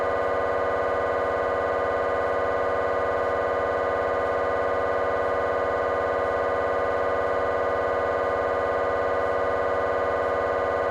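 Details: Temporal bone (Felsenbein) MRI on a GE 3T scanner, T1 fast spin echo sequence: loud steady rapid buzzing tone with even repeating pulses about 200 a minute; normal MRI scanner noise.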